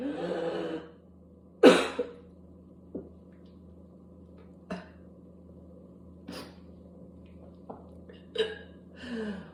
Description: I had coughing spasm until i was gagging and sptitting and puking